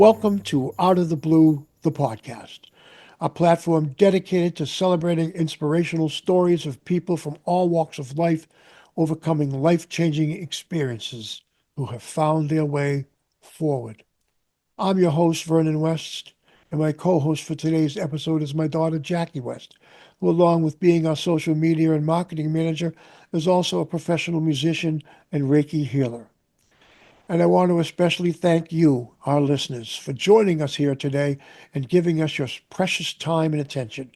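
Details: Adult male speaker; Typical speech.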